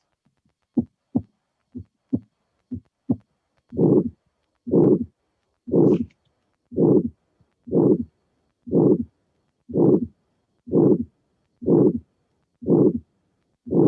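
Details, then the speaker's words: Teaching example of severe aortic stenosis: three clean heartbeats, then a long harsh systolic murmur with each beat at about 60 per minute, its intensity maximal toward the end of systole, indicating severe stenosis. "So this is a very typical finding. We have a murmur with maximum intensity through the end. So it means that the stenosis is important, is severe."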